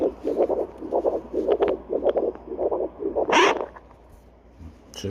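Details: Rhythmic whooshing pulses from a handheld vascular Doppler probe with gel, placed over the artery at the back of the foot to check blood flow, before the probe is lifted. Doppler pulse sound.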